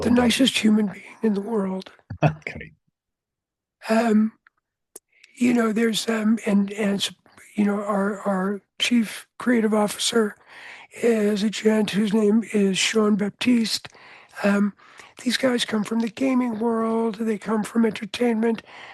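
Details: Adult male with voice change caused by throat cancer, treated with surgery, radiation therapy and two years of experimental chemotherapy, no recurrence since; voice change after throat cancer treatment.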